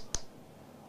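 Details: A single sharp click against quiet room noise: the pulse click of a transcranial magnetic stimulation coil over the speech area of the brain, during a research demonstration.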